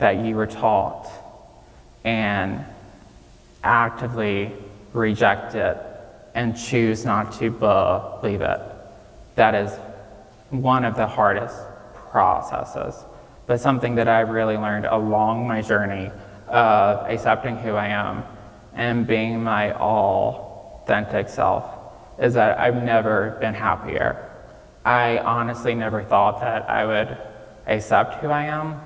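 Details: Real recording of a 26-year-old man with childhood apraxia of speech, diagnosed at age five after not speaking until then, with speech therapy five times a week; he says saying things may take him more time.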